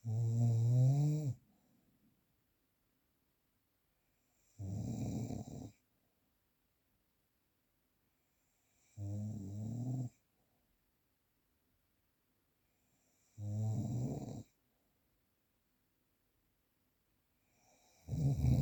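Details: Snoring, real unprocessed recording: regular low, rumbling snores on each inhalation, about 13 per minute, with silence between them.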